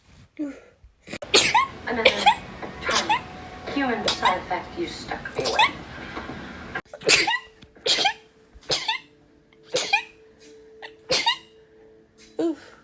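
A rapid run of about a dozen short, sharp sneezes in close succession, with a brief pause midway; ordinary repeated sneezing.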